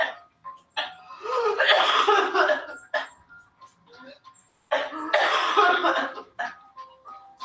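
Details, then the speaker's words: Adult with pertussis (whooping cough): two harsh, rapid coughing runs, each with a high-pitched drawn-in breath between, the characteristic cough that follows initial cold-like symptoms. "al principio la pertusis aparece como un simple resfriado con un poco de tos pero en pocos días se convierte en una tos mucho más fuerte característica de esa enfermedad Este es el sonido de la tos provocada por la pertusis en un adulto"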